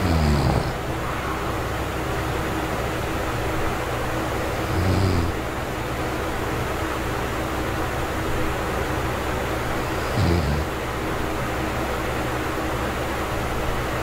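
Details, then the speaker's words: Person with sleep apnea recorded asleep without an anti-snoring device; deep, effortful breaths about every five seconds over a steady room hum, struggling to bring in enough air even when not snoring. "even when i wasn't snoring in the first clip without a device you can still hear me like breathing deeply because i'm struggling to bring in enough air so you don't get enough oxygen at night"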